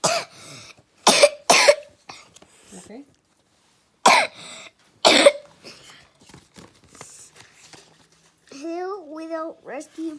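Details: Three loud, harsh single coughs with gaps between them, followed by a child's voice: an ordinary dry-sounding cough.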